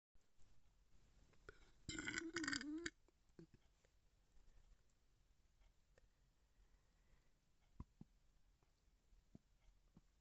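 One short voiced belch lasting about a second, followed by quiet room noise and faint clicks.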